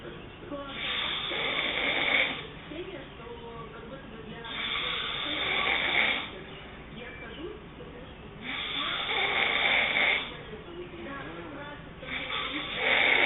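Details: Girlfriend snoring hard during sleep: loud, rough snores on each in-breath with quieter out-breaths, about four breaths in 13 seconds; ordinary heavy snoring.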